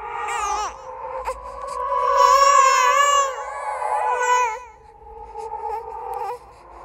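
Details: Horror sound-effect track of a ghostly baby crying: drawn-out, rising and falling infant-like wails. The cry is composed and edited with other creepy sounds, not a real clinical recording.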